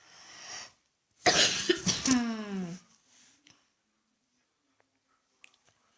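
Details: Cough from a sick schoolgirl video blogger who has had cough, runny nose and fever for two days: a loud, harsh burst of coughing ending in a voiced, strained tail, then quiet.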